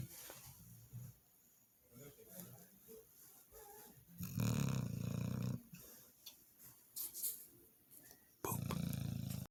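Two loud, low, rattling snores stand out against quieter breathing and faint room noise; a sleeping dog snoring.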